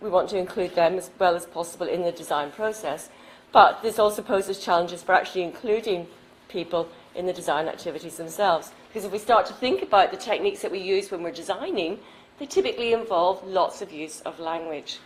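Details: Adult woman; normal speech.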